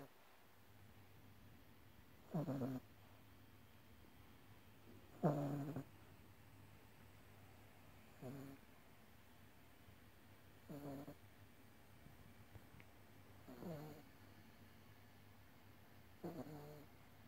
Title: イビキをかいて寝る愛犬 #Snore dog #イビキ #犬